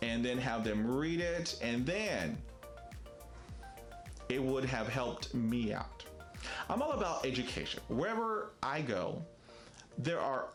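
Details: Stuttering in an adult man who describes himself as a person who stutters.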